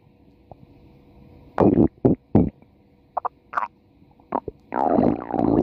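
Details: A female subject's stomach growling (borborygmi) from a 4-minute recording: loud irregular gurgles and squeaky rumbles in bursts with quiet gaps.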